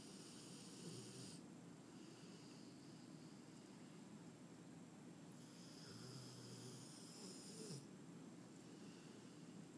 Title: English Mastiff "LiL Largo" Snoring